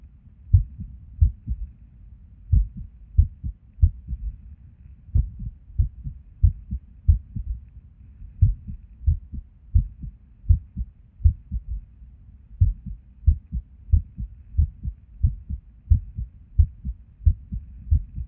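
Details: Resting heart sounds recorded at Erb's point while sitting at a desk, often skippy: low thumps about 90 a minute with uneven spacing and occasional pauses, an irregular rhythm with skipped beats.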